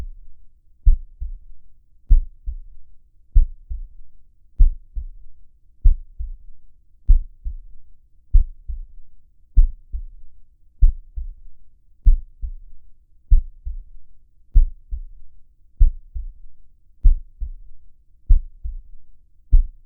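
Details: Normal heartbeat recording for relaxation: slow, steady soft paired lub-dub thumps at about 48 beats a minute, a healthy rhythm.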